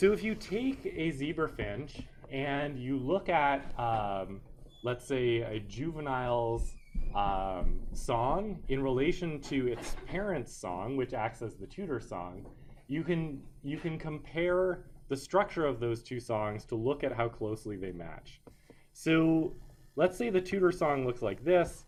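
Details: Adult male lecturer; ordinary speech.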